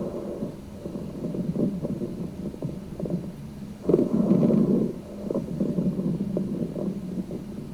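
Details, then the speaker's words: Rhonchi: loud, low, coarse bubbling and rumbling throughout inspiration and expiration, from secretions in the larger airways, heard early in the respiratory cycle. "so let's listen to some rock guy hearing that bubbling throughout the inspiratory cycle and throughout expiration"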